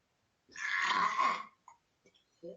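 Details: Child burping repeatedly at home during homeschooling; one loud, rough, gurgling burp of about a second, followed by brief quiet vocal sounds.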